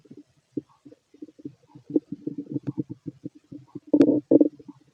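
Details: Fit adult male, normal bowel sounds through a stethoscope while digesting pastry, chicken, curry, bread, milk, eggs and pasta: rapid bubbling gurgles and low stomach growls.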